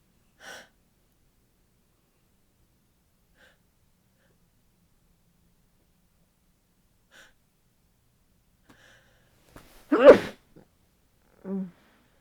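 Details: Tired sneezing muffled into a down duvet in bed after time in cold windy weather, nose sensitive, possibly coming down with a cold: quiet breaths, soft sniffs, then one muffled sneeze burst and short exhale.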